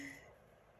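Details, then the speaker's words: Snoring in a small female dog sleeping as if dreaming: a brief, soft snort-like breath noise. "夢を見ているようにいびきをかいています、そして彼女は小さな音を立てます"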